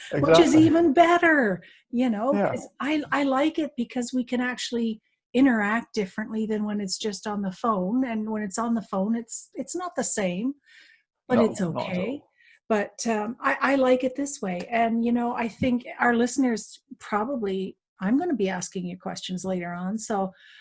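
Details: Adult woman speaking; normal speech.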